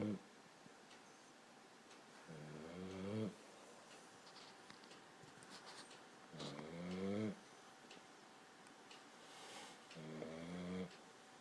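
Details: 14-week-old Boxer puppy snoring while asleep: three long, low rattling snores about four seconds apart, roughly 15 a minute, with a steady room hum.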